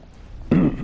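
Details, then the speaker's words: Single brief, low, guttural throat clear from an adult man after near-silence, during gameplay commentary; throat clearing. "so we grabbed that sorry my throat just being weird"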